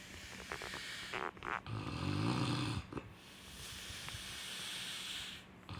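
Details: A fluttering, rattling snore with some higher whistling breath noise over a steady background hiss: snoring.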